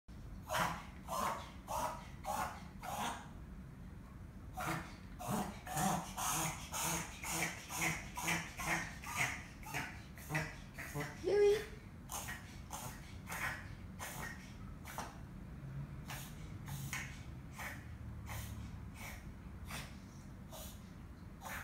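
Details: Chihuahua reverse sneezing: rapid runs of loud snorting inward gasps that sound like choking, gagging or something stuck in the throat.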